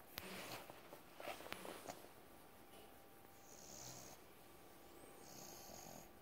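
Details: Sleeping pet dog snoring: soft, raspy breathing noises with a faint whistling note on some breaths, against low room noise.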